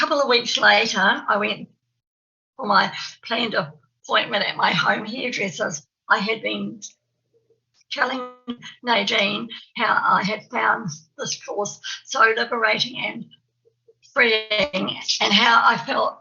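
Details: Real stammer (stuttering) in an adult woman from New Zealand who says she has a stammer, heard while she gives a conference presentation; stuttering.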